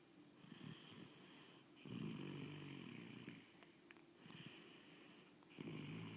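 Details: Soft, buzzing, fluttering snores on repeated breaths, fairly quiet with faint room noise; snoring during sleep, possibly a pet.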